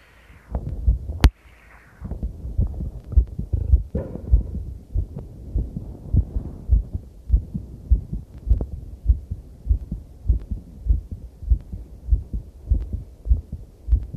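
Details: Own heartbeat recorded with a body-worn mic around a cycle ride over challenging terrain. Steady, fast low thumps at about 100 beats a minute, a quickened heartbeat after exercise, with rubbing noise and clipping; any skipped beats are drowned out.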